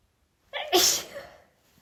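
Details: Adult female deliberately sniffing pine-scented candles she is sensitive to and trying to hold back sneezes: a brief catching inhale, then a sharp, hissing sneeze that fades quickly.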